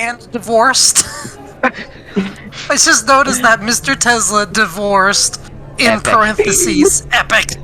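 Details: Adult speaker, casual gaming conversation; Ordinary conversational speech.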